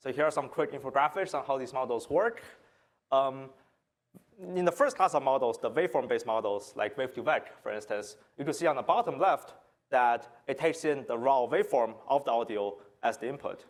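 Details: Adult presenter; normal speech.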